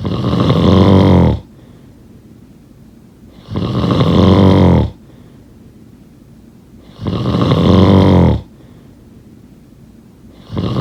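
Loud, deep rattling snores on each breath in, about 17 a minute, with quiet pauses between; a regular snoring pattern.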